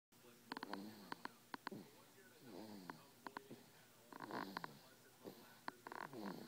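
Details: Young girl sleeping: soft, repeated snorting breaths with a nasal, whistling edge and a few sharp clicks; snoring.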